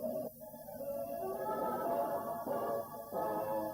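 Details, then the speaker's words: Simulation of how outside sounds reach a fetus, recorded with a microphone placed inside a pregnant woman's uterus: muffled orchestral music with the treble stripped away. "Des chercheurs ont placé un micro dans l'utérus d'une femme enceinte. Ils ont enregistré la manière dont les bébés comme Marjorie entendaient les sons du monde extérieur."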